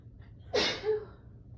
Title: Sneezing while cleaning